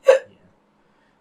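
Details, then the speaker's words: Adult speaker who says hiccups come on like clockwork; hiccups. "here come the hiccups here come the hiccups"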